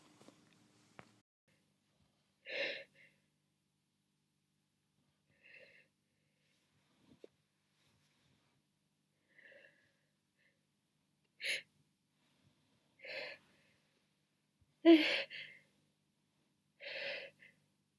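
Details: Muffled sneezes, with the sneezer wondering whether muffling changes the pitch: a series of about six short, muffled sneezes with quieter breathy sounds between, in a quiet room; sneezing.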